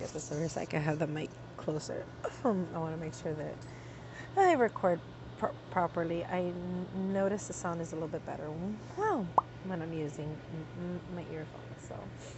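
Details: Adult woman with tics on a light tic day, tics fairly controlled but still emerging while talking; involuntary interjection mid-sentence; vocal tic.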